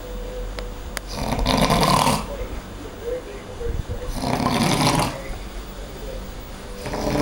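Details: Man sleeping in a shared room snoring loudly, likened to a locomotive or siren: harsh snores about three seconds apart, near 20 a minute, quiet breathing between; snoring.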